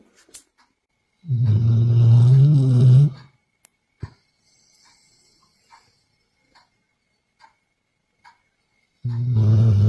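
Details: Sleeping golden retriever snoring: deep, rumbling snores, each about two seconds long and roughly eight seconds apart, with quiet breaths between.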